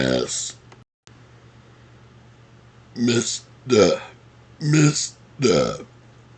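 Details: Deliberate voluntary burping while reciting movie quotes: four long, low, croaking belches, each about half a second, shaped like words.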